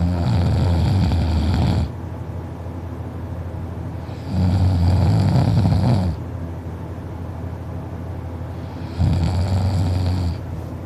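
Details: Person asleep, recorded by a sibling; loud, deep, rumbling snores on each in-breath about every 3.5 seconds (~17/min); heavy snoring.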